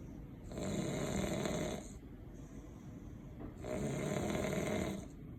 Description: Fresh from spinal cord surgery, I cant sleep because he snoring crazy